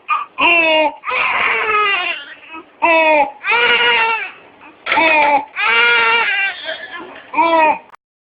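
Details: Crying infant with harsh, high-pitched noisy breaths between cries: stridor.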